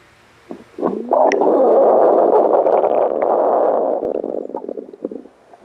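A drawn-out, gurgling growl lasting a few seconds with bubbly pops at the end, the ordinary stomach rumbling of hunger.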